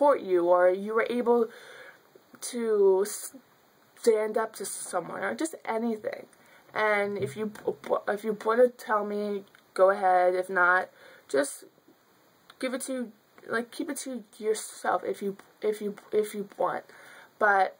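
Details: Young woman who has stuttered since childhood, speaking spontaneously with fillers and repetitions; stuttering.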